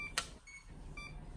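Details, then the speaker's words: Single short electronic alarm beep from a CADD PCA (patient-controlled analgesia) infusion pump, signalling an empty medication reservoir and the need to change to a new cartridge; educational demonstration. "s alarming that your reservoirs empty and you need to change to a new cartridge of medication"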